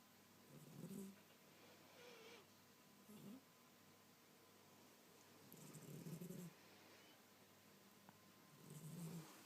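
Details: Quiet, low rumbling snores every few seconds with soft breaths between, over faint room noise, from a sleeping Blue Persian cat: gentle snoring.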